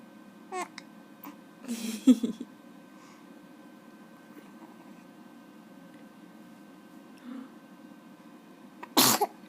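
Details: Person takes a selfie, makes a few soft vocal sounds, then one sharp explosive sneeze onto the camera; sneeze.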